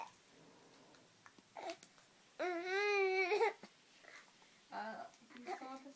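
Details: An infant who has the hiccups gives a brief, fussy cry with wavering pitch among soft babbling sounds in a quiet room.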